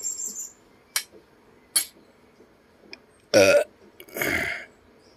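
Two loud, drawn-out throaty belches between quieter sounds; repeated belching, as with acid reflux.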